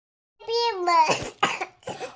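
A young child's voice, then three quick, harsh coughs in a row.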